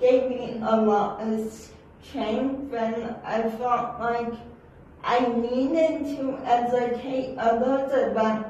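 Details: Dysarthria from cerebral palsy in an adult woman whose speech is not understood by everyone in public.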